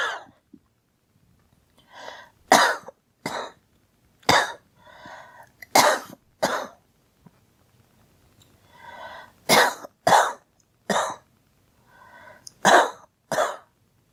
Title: Girl coughing 32